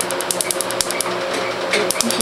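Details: First Q-switched 1064 nm laser treatment on an old multicoloured tattoo, targeting black ink, with ice as analgesic; patient rates pain 3/10. Rapid, even snapping clicks of about ten per second over a steady machine hum.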